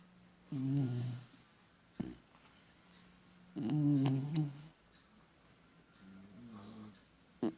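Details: Sleeping female English Cocker Spaniel: two loud rattling snores with quieter breaths between, at about 20 breaths a minute; snoring.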